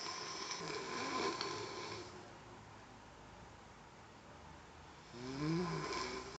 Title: Ngorok lucu